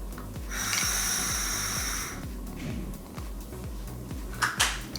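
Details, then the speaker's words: Inhaler technique demonstration: a full, strong, deep breath in through a capsule-type dry powder inhaler (HandiHaler-style, capsule pierced by pressing a button), with a forceful rushing inhalation and a thin device whistle over music. "so you're doing a full strong and deep breath in"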